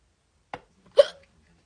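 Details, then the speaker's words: Person with really bad hiccups while getting ready for bed: a soft catch followed by a sharp, abrupt hiccup with a brief voiced squeak. "I've got the hiccups all I know yeah I'm watching Netflix yeah so get on ready with me I've got like really bad hiccups right now and it's like not the vibe if you can tell"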